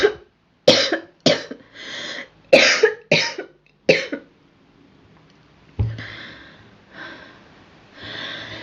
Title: Girl coughing 24